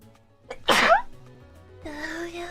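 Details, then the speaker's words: VTuber streamer sneezing, one of five sneezes in a row: a short inhaled build-up, then one sharp, high-pitched sneeze and a brief voiced sound, with soft music behind; she had just said she felt a sneeze. "Oh no, here we go again. A new discovery. I feel a sneeze."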